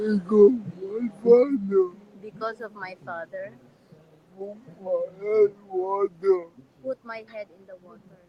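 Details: Adult man with severe cerebral palsy; dysarthria due to cerebral palsy.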